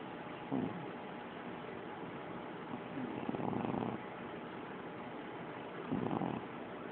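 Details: Puppy snoring loudly during a midday nap: soft rasping snores repeating every few seconds over steady background hiss.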